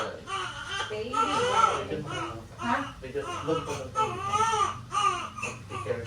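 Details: Repeated strong, high-pitched crying bursts from a newborn just after a normal vaginal delivery with compound presentation (hand by the face), adult voices in the room; a vigorous newborn cry.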